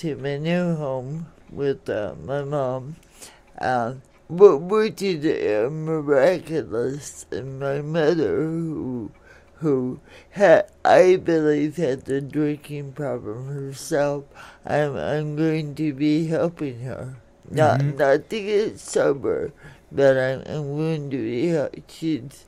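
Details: Adult woman born in 1959 with lifelong cerebral palsy, which she attributes to oxygen being cut off to her brain during delivery, affecting her speech and motor skills; some listeners have difficulty understanding her; dysarthria (cerebral palsy).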